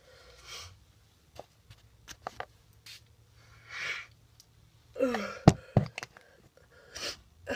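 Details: Adult with a cold, nasty cough and very snotty nose: quiet breathing and small clicks in a small room, then one voiced, explosive burst; a single sneeze.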